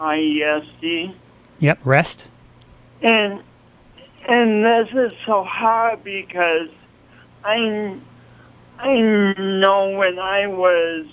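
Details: Speech impediment in an adult man, present since an early, traumatic birth with loss of oxygen, along with coordination awkwardness; the impediment is audible to listeners.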